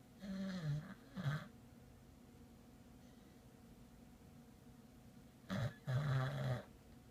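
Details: Sleeping dog snoring: two pairs of low, rumbling, snorting breaths separated by a quiet pause.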